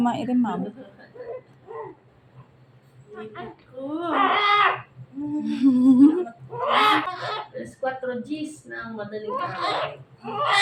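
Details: Short, rising and falling crying bursts from a newborn just after a normal vaginal delivery of the mother's second baby (mother has an abdominal scar), with adult voices and room noise; an ordinary cry just after birth.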